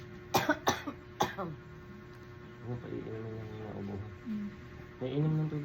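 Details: Adult woman with fever of 37.8 and a cough that makes her head hurt: a quick run of about five short, harsh coughs, followed by soft tonal sounds like music or humming.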